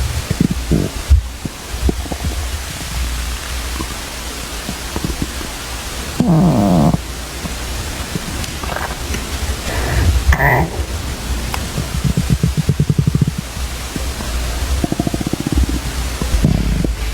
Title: Male stomach growling - by (I forgot)